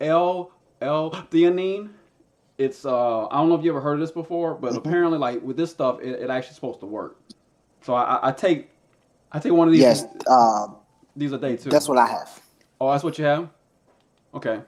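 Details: Adult man who stutters; his stutter is situational and anxiety-driven, worst when introducing himself or saying his name, with blocks, tics and eye closing; stuttering.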